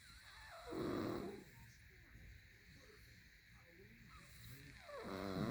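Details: Loud, heavy, rough snoring during sleep, two breaths about four seconds apart with quiet between; snoring.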